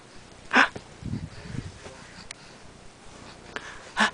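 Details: Sneezing in an 11-week-2-day-old infant: two small, sharp sneezes a few seconds apart, with faint breathing and room noise between.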